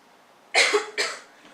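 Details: Two harsh, dry cough bursts in quick succession, acted in a comedy parody about COVID-19.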